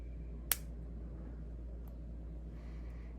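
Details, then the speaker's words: Lancing pen of a Yuwell 660 blood glucose meter pressed firmly against the side of the fingertip fires: a single sharp spring click over quiet room hum, pricking the finger for a blood sample. "ในการจาะนะคะเราก็ใช้ตัวปากกานะคะแนบไปที่ปลายนิ้วให้แน่นๆค่ะด้านข้างนิ้วนะคะเสร็จแล้วค่ะก็ใช้ตัวปากกายิงเข้าไป"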